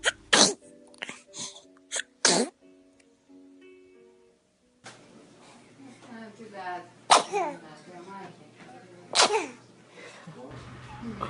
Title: Babies sneezing